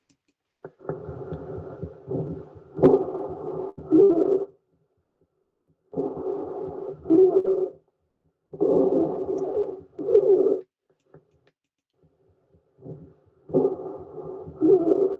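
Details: Recorded lung sound played for an exam listening quiz: stridor, likened to a seal or dog noise.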